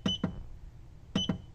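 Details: Two pairs of short, sharp electronic beeps from feather-touch button presses raising the intensity on a Medinza PM-300 1MHz & 3MHz therapeutic ultrasound unit during a running preset program.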